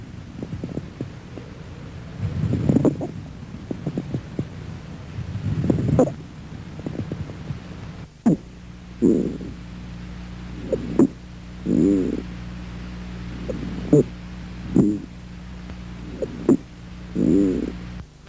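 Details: Teaching recording on the respiratory physical exam: breath sounds with repeated brief, bird-like musical chirps late in each breath over a low steady hum; squawks.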